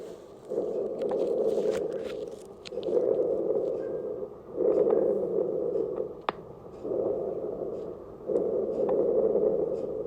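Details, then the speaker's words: Lung auscultation demonstration: low-pitched, softer snoring, rumbling sounds through repeated breaths, rhonchi, occurring on inspiration and expiration but more common on expiration. "roncos este som ele pode ser como um tanto na inspiração quanto na expiração porém ele é mais comum na expiração"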